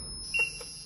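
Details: Meditech Defi9 manual biphasic defibrillator, 100 J selected, in a demonstration: brief high-pitched electronic beep over faint high whine while charging before a shock.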